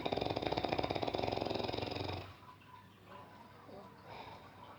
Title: DEEP SLEEP SNORING SOUND PART 2 #AMAZING